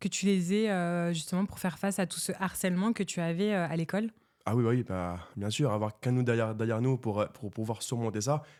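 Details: Adult woman and adult man in conversation; speech.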